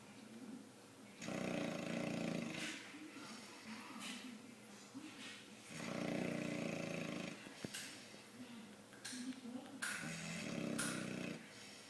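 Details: 5-month-old boxer dog sleeping and snoring: loud rattling snores on each breath in, about every four to five seconds, with quieter breathing out between.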